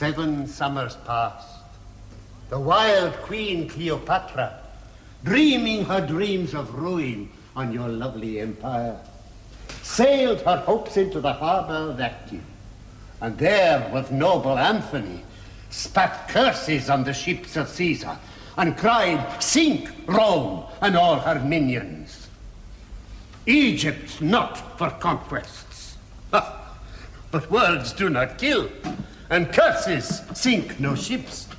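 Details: Adult male actor; normal speech.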